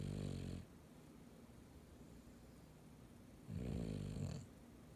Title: Daisy snoring